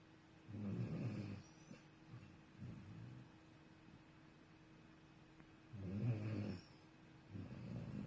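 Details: Sleeping puppy snoring: loud, low rumbling snore on each in-breath, softer snuffle out, about 11–12 breaths a minute.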